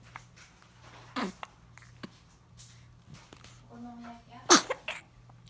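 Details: Japanese baby with small quiet hiccup-like catches, then one sharp sneeze with a short follow-up burst over steady room hum; hiccups and sneezing.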